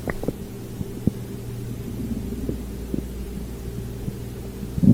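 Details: Low gurgling and rumbling abdominal noises over a steady low hum after prune juice and dried fruit; active bowel sounds (borborygmi).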